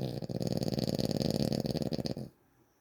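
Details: Person snoring, recorded February 2025: a loud, rattling, fluttering snore lasting about two seconds, then quiet; a vibrating snore.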